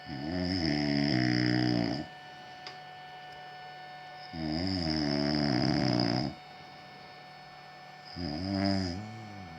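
Loud, rattling snores about two seconds long, repeating roughly every four seconds with quiet gaps between: ordinary snoring.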